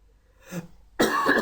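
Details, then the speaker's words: Adult who is a little hoarse today: a soft throat noise, then one abrupt, loud, harsh single cough in a quiet room. "Again, excuse my voice, I'm a little hoarse today."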